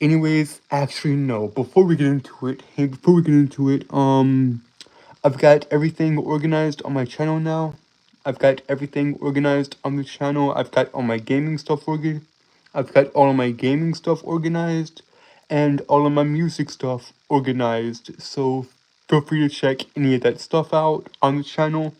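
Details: Adult male streamer with a self-reported speech impediment that makes him stutter and trip over his words; stuttering.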